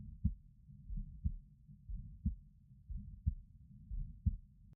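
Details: A woman's heartbeat recorded with a Stemoscope while her neck pulse is watched: steady, regular low lub-dub pairs at about 60 beats a minute; normal heart sounds.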